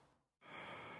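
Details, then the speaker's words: Patient asked to take deep breaths in and out with mouth open during respiratory examination; single soft airy breath with no added sounds, ending in a click: normal deep mouth breathing. "please could you take deep breaths in and out with your mouth open"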